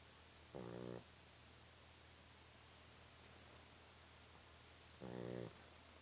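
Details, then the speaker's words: Very tired sleeping dog: two brief, low rattling snores about four and a half seconds apart over quiet room hum. "Dang. Stop all that snoring. You drooling."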